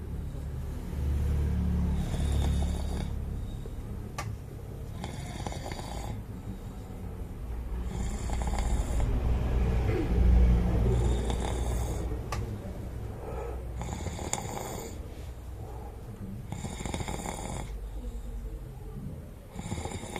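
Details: Snoring by a sleeping man: loud, low, rattling snores repeating steadily with each breath, about 20 a minute.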